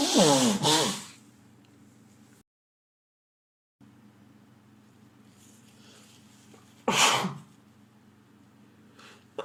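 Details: Man who sneezed repeatedly all day at home; partner hopes he is not getting a cold again. Two loud, explosive voiced sneezes several seconds apart, with quiet room hum between them.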